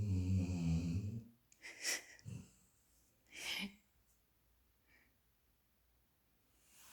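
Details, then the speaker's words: Loud rumbling breath then softer snorting inhalations, irregular and fading, from a sleeping, dreaming dog; snoring. "Who said the dogs don't snore? She snores louder than my husband."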